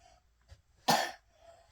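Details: Young boy with a cold: one short, harsh cough with quiet room sound around it.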